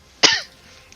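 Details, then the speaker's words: Person having a sudden coughing fit mid-sentence while talking during a tabletop game: one short, harsh cough burst with a brief voiced tail in a quiet room. "i assume she actually she excuse me god has a coughing fit one moment"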